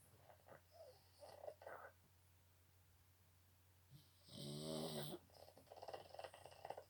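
Quiet snuffly breaths, then one loud rattling, wheezy snore, typical of a flat-faced dog, over a low steady hum.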